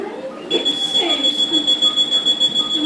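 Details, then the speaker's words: Dräger Savina 300 ventilator alarm during its pre-use self-test, while it is being set up for an intubated patient: a continuous high electronic tone with rapid pulsing over faint speech. "nos va a mostrar el sonido de la alarma y la vamos a silenciar"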